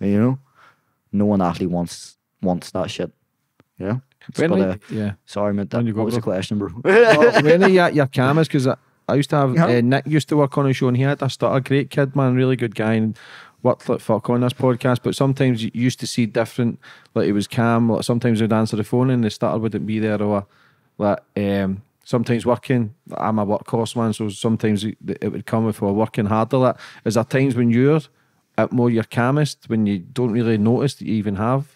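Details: Adult male speaker; typical speech.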